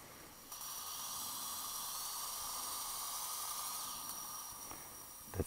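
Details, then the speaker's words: Steady high-pitched hiss with faint motor whine: twist drill to full length plus 3 mm preparing a dental implant site after extraction of central incisor #21. "next drill to 8 to 4 twist drill okay we're going to use this also full length full length plus 3 millimeter"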